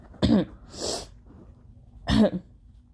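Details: Two harsh, wet, phlegmy productive allergy coughs separated by a rushing nose-blow or sniff-like burst.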